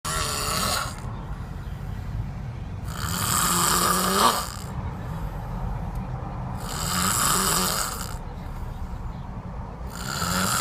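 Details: Heavy, rasping snores from a man about every four seconds, with a hissing, rattling quality over steady low room noise; loud snoring during sleep.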